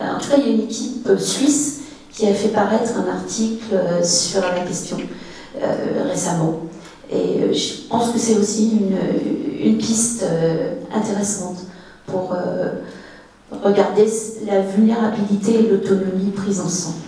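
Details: Adult woman speaking French; Normal speech.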